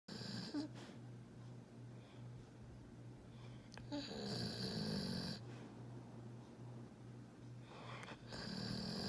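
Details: Pit bull napping in a chair, described as a loud snorer: loud rattling snores on each breath over a low, steady room hum; snoring.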